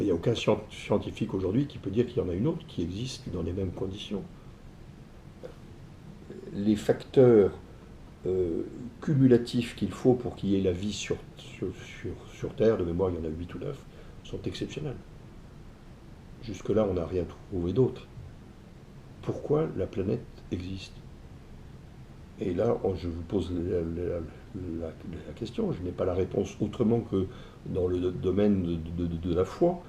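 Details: Man who stutters, describing it as what has marked him most in life though it never held him back; ease of speaking varies with the listener's receptiveness; stuttering.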